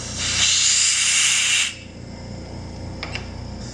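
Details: Loud, steady high-pitched hiss for about a second and a half, then quieter room hum: an attachment running on a used, ex-military ASI 2025M portable dental unit with high-speed, slow-speed, ultrasonic and suction attachments.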